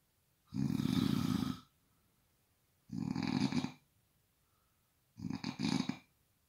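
Three loud, rough, low rattling breath sounds separated by quiet pauses, typical of snoring.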